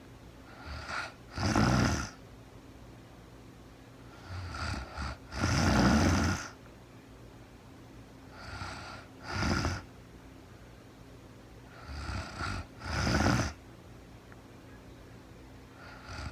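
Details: Real-time recording of a sleeping woman who was very tired: rough, low snoring on each breath with a softer sound between, about 15 breaths a minute, in a quiet room; snoring.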